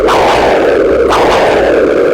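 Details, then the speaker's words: Pulsed wave Doppler sound from a Butterfly iQ3 handheld ultrasound probe in long axis over an artery and vein in the neck: continuous whooshing with pulsing surges about a second apart; normal neck artery and vein flow. "So I'm just going to play you a view of a long axis over a vein and an artery up in the neck."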